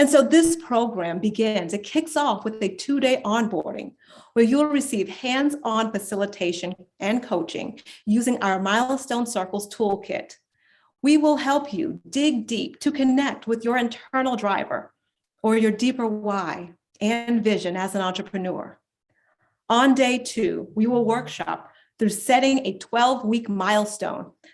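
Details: Adult woman speaking; normal speech.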